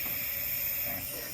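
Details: Jet nebulizer demonstration with mask attached: steady airy hiss of compressed gas driving the nebulizer producing mist; jet nebulizer running.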